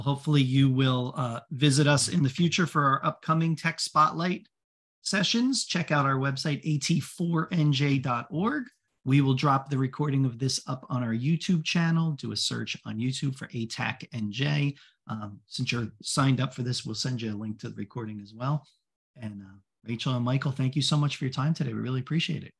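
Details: Adult speaker; typical speech.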